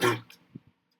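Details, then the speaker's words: Cough from an adult gamer who says he is still sick and has been dealing with this cough for the past week or so. "Yeah, okay, so I'm not fully not sick, guys. I just figured I need to make a video in case you couldn't hear that cough. That's what I've been dealing with for the past week or so."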